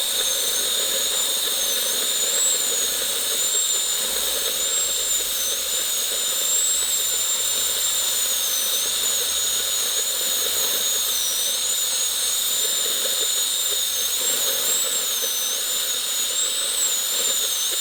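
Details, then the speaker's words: Steady high-pitched whine, rising and falling slightly in pitch, of a dental handpiece fitted with a different bur widening the access opening; simulated root canal on an extracted three-canal tooth assumed deeply decayed. "먼저 저희 치과에서 쓰는 이런 핸드피스라는 기구에 버라는 기구를 끼워서 이제 갈아내는 기구인데요."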